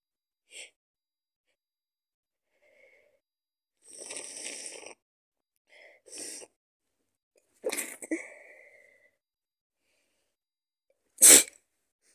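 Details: Person with a cold: a few short, noisy sneezes with breathy lead-ins, ending in one loud explosive sneeze; sneezing with a cold.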